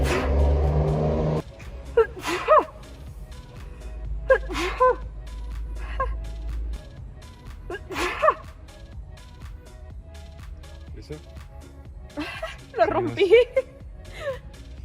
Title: Girl sniffed sneezing powder as an experiment and she kept sneezing throughout the video. 재채기- くしゃみ